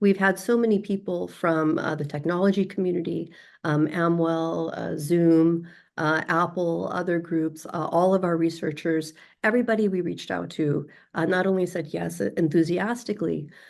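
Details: Adult woman speaking; normal speech.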